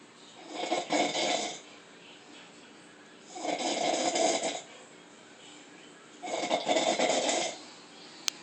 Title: Lady snores funny